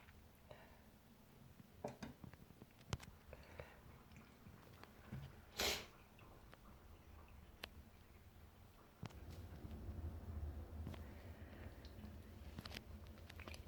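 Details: A person sick with a cold sneezes intensely: a single short, sharp sneeze against quiet room noise.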